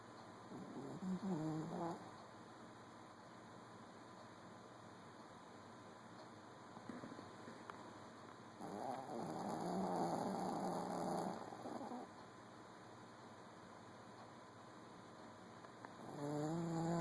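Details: Sleeping cat snoring lightly: soft, buzzing breaths recurring every several seconds over a steady background hum; snoring.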